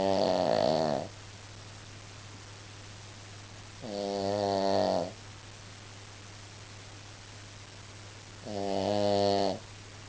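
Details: A female Shih Tzu snoring during a nap: steady, buzzing tonal snores about every four seconds, each lasting around a second, over a constant low hum.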